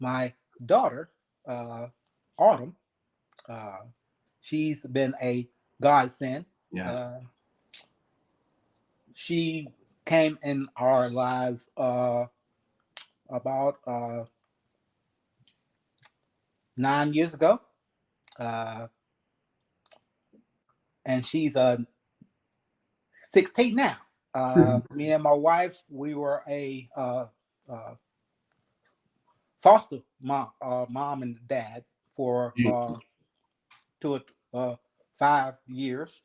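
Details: 52-year-old male army veteran, about 3 years after an ischemic stroke in July 2017. He could not talk for eight months and could not form words or sentences for a year and a half. He attends an aphasia project; aphasia after stroke.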